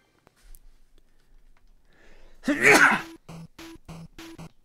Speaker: that was a sneeze that sounded violent that's how i normally sneeze